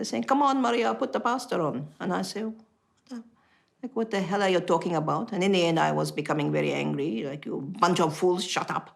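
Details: Woman with foreign accent syndrome after a stroke, sounding Italian; recovery was slow and she could not speak for a couple of months after the stroke; foreign accent syndrome.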